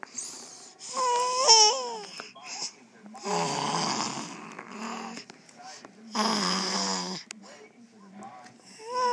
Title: Grand Daughter mocking her Grandpa's snores 4 am in the morning.